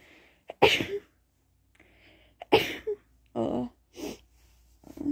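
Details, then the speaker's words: Speaker with a cold, possibly the flu, feeling horrible: a series of sharp, explosive sneezes with quick inward breaths between them; sneezing. "you can tell i got a cold but i can't really tell if it's a cold it might actually be the flu because i feel i feel horrible"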